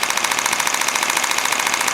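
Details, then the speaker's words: Shockwave therapy demonstration for tennis elbow at low intensity setting 3, applied to a painful elbow point, felt localized and not painful: rapid, regular clicking pulses, roughly fifteen per second; shockwave therapy device firing. "here we go oooh that's definitely different mhm does not hurt it's just more localized I don't know how else to describe it other than localize"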